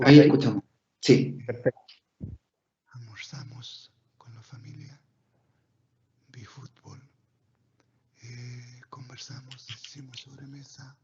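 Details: Pre-therapy recording of a patient with vocal fold paralysis; severe breathy, hoarse dysphonia.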